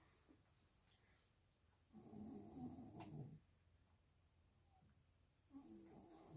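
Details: Father snoring while his newborn baby cannot sleep: a loud rumbling snore on an in-breath, a quiet gap, then the next snore starting; ordinary heavy snoring in a quiet room.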